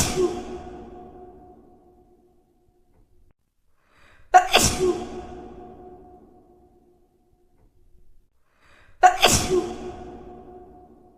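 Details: Sneezing compilation: three loud explosive sneezes with a lingering echo effect, spaced about four seconds apart.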